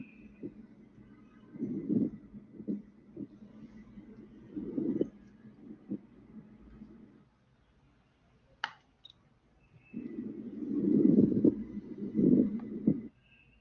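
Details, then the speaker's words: Pleural friction rub in pleural syndrome: rough, harsh, grating creaks over the chest on both inspiration and expiration. "es el trote pleura agudo áspero y rudo tanto inspiración como inspiración"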